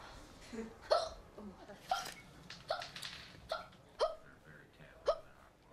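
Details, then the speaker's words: Young woman, 19 at the time of the report, known since 2007 for hiccups: repeated short, sharp hiccups, about six in under six seconds, fairly regular, with faint background noise. "In 2007, her uncontrollable spasms, or that's what she said they were, earned her the nickname ."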